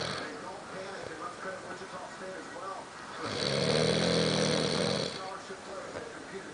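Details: Snoring from a sleeping man, loud enough that it is hard to sleep through.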